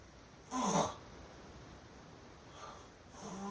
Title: Guy wakes himself up snoring! FUNNY!